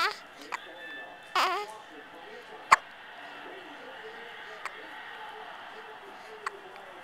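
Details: Infant with hiccups: brief sharp hiccups at irregular intervals, with a short fuss between them; hiccups.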